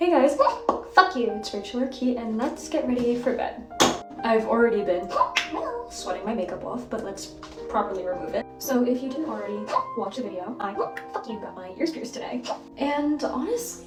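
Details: Tourette syndrome with coprolalia: involuntary obscene vocal tics interrupting speech in a female, onset around age 13-14, who also has echolalia and late-diagnosed autism.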